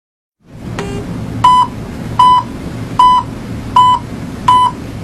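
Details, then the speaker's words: Pulse oximeter audible pulse beep in a WHO instructional video: steady, evenly spaced short beeps at about 80 per minute over low hum after the probe is fitted and the pulse detected. "adjust the volume of the audible pulse beep to a comfortable level never use on silent"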